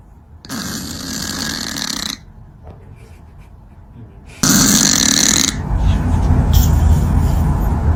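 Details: Sleeping cat snoring: loud, harsh snorting bursts over rough, rumbling breath noise; loud snoring.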